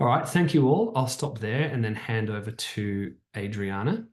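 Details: Adult speaker; Normal speech.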